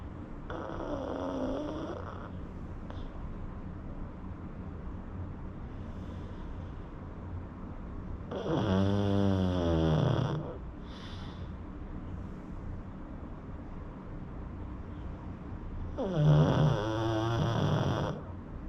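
Three long, rattling snores about eight seconds apart, roughly eight a minute, with a harsh buzzing vibration in each breath.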